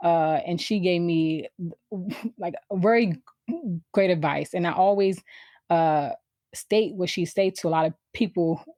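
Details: Adult woman who has stuttered since she began to speak, around age four or five; stuttering.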